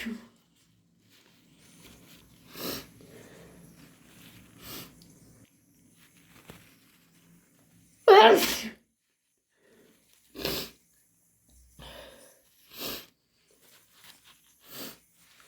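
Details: Hay fever or induced sneezing: repeated wet sneezes, one especially forceful, with sniffing and nose blowing between them.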